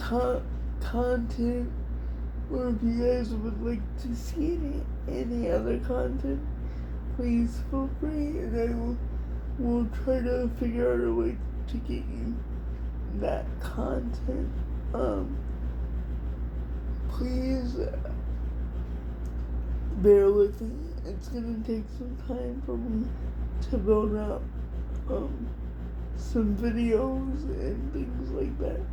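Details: Adult woman with cerebral palsy diagnosed at 6 months, she thinks level 4 or 5, affecting all parts of her body including speech somewhat and hands, plus dystonia; dysarthria (cerebral palsy).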